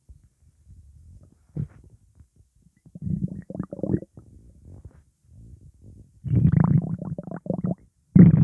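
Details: Upset stomach after eating pizza: low gurgling and rumbling bowel sounds coming and going in bursts, gassy borborygmi.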